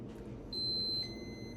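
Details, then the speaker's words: Moog Infinity enteral feeding pump, demonstrated on a doll rather than the child: high-pitched electronic alarm tones over room noise, signalling no flow out because the feed is blocked in the line. "it's saying there's no flow out so when it gets to here it can't go out"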